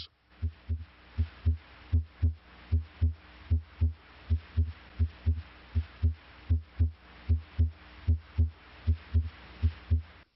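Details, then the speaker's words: Regular paired heart sounds at about 77 beats a minute, normal S1 (mitral/tricuspid closure) and S2 (aortic/pulmonic closure) rhythm, systole between S1 and S2, longer diastole; normal heart sounds. "the second sound as too arises from closure of the aortic valve pulmonic valve closure may also contribute to s2 ventricular systole occurs between s1 and s2 ventricular diastole occurs between s2 and the next s1"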